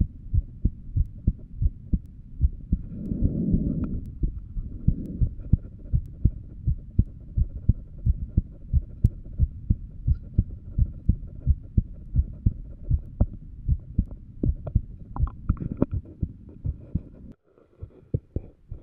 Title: Heartbeat while lying down (visible beats?)